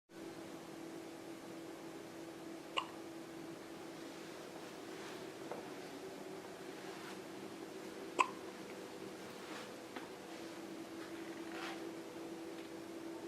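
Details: 3-day-old newborn baby girl with hiccups: a few faint, sharp hiccup clicks spaced seconds apart over a steady background hum.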